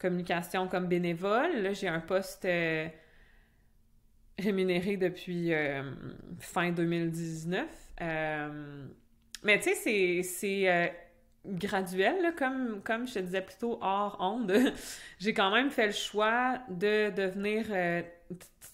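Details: Adult French-speaking (Québec) woman who stutters, in conversational speech; real stuttering.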